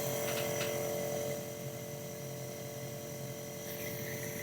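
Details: Compressor nebulizer switched on during a pulmonologist's demonstration, medicine in the cup and mouthpiece attached: steady mechanical buzzing hum as compressed air through tubing turns liquid medicine into mist.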